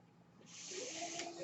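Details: Real podcast recording in which the speaker explains that the noise heard is his own mechanical ventilator; ventilator airflow heard in the background of speech; mechanical ventilator noise.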